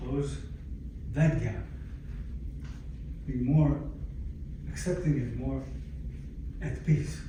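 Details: Aphasia in a 62-year-old man, acquired after a stroke in December 2011 that followed cardiac ablation for arrhythmia; he lost languages and speech and attends speech therapy at an aphasia center.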